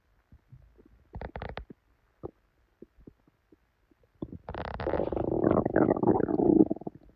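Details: Woman's belly after drinking probably expired milk, with very bad diarrhea: loud gurgling and rumbling, short bursts then a long churning growl; loud borborygmi.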